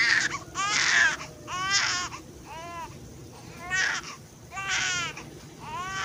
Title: Baby mom crying sound effect (Feel free to use it)